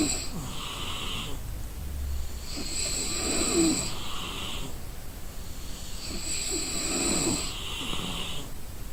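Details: Exhausted person snoring in sleep: loud, rattling snores, slow and irregular, about two in nine seconds.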